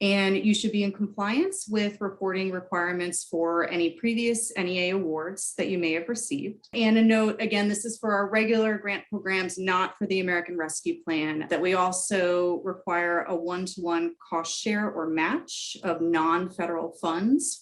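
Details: Adult woman; typical speech.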